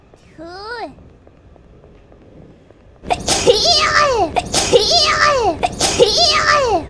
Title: double and triple sneeze in the train